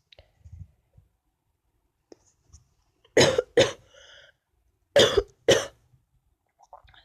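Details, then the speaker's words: Two pairs of harsh, forceful cough bursts with faint breathing between, in a quiet room at bedtime, from an adult with a sore throat and a bad cough; cough. "hey guys so as you can probably tell i have a soft fro and it's not good i also have a cough as well"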